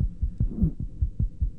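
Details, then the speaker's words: Teaching auscultation example of an extra heart sound (third or fourth heart sound or click), presented alongside heart sound intensity and splitting. "when listening to heart sounds we note their intensity possible splitting whether there are additional sounds in the form of a third or fourth heart sound and clicks"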